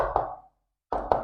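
Two close knocking heart sounds, lub then dub, with no extra sound: a normal first and second heart sound.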